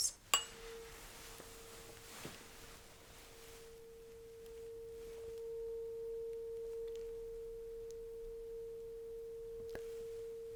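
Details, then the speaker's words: Weber test in a simulated ASMR cranial nerve exam roleplay: a tuning fork placed on top of the head, midline, gives a steady, pure hum near 500 Hz that sustains for several seconds over faint room noise. "Now, I will put the stern fork right on top of your head somewhere in the middle. And we'll also let me know if you can actually feel the vibration and the sound trickling in both sides."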